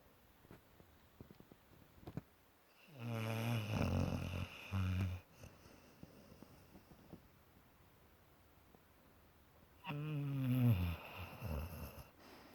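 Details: Two loud, rattling, low-pitched snores about seven seconds apart with quiet breathing between, over faint room noise; snoring.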